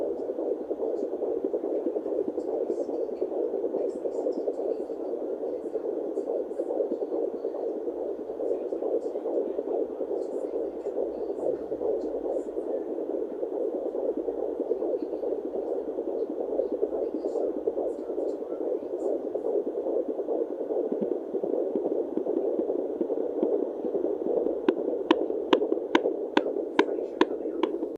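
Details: Fetal heartbeat at 17 weeks of pregnancy heard on a fetal Doppler, rapid whooshing beats at about 140 per minute under heavy hiss and hum from a poor-quality recording.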